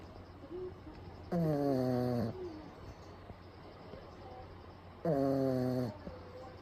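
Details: Pug napping with eyes rolled back, recorded close up: two loud, rough, buzzing snores about four seconds apart, typical of a flat-faced dog.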